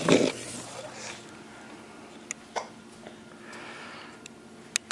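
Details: An infant's short, abrupt hiccups, with one louder burst at the start, in a quiet room, as someone tries to scare the hiccups away (Nov. 12, 2011). Hiccups.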